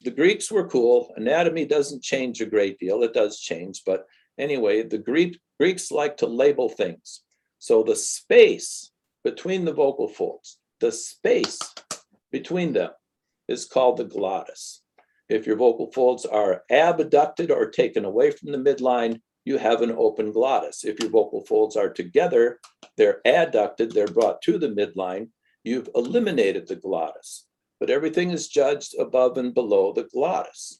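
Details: Adult male lecturer; typical speech.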